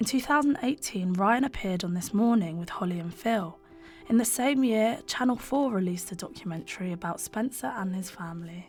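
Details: Adult female narrator; Normal fluent speech.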